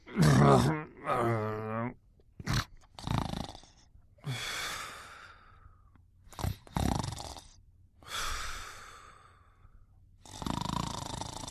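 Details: Sleeping animal snoring: slow, regular sleep breathing with snorting, rattling intakes and long hissing exhalations after a brief groan.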